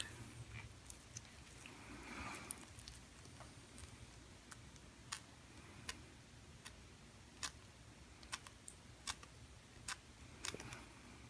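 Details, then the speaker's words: Excision of a sebaceous cyst on the back under local anesthetic injection: sharp crunching snips as surgical scissors cut the scar tissue forming the sac or capsule around the lesion. "you're hearing is the scar tissue well the scar tissue just is part of what forms this sac or capsule around the lesion"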